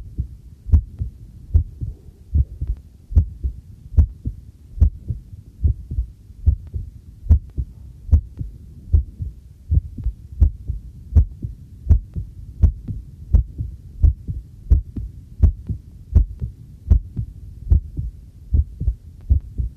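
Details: Own heartbeat, first trial of a new field stethoscope microphone, recorded while doing housework: steady thudding at about 75 beats a minute, with faint tap water running and dishes clinking; normal heartbeat.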